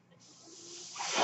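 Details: The mechanical ventilator of a man who uses one while speaking delivers a breath: a steady hiss of air that builds and grows louder over about a second.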